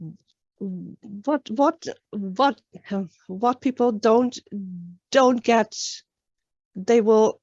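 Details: Real adult woman, an international stuttering advocate from Sweden, speaking in a public talk. The finding is stuttering.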